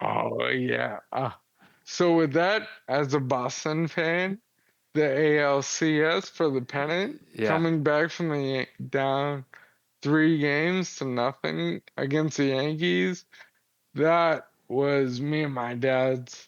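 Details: 35-year-old man with Friedreich's ataxia, a progressive inherited neurological disease diagnosed at 19, affecting muscle coordination including jaw and tongue movement, speech problems noticeable since about age 33-34, wheelchair user; ataxic dysarthria.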